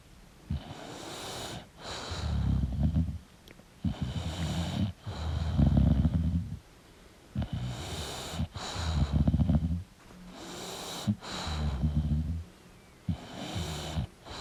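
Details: Sleeping English Bulldog snoring: loud, rough, rattling snores with snorting on each breath, in a steady rhythm of breaths in and out.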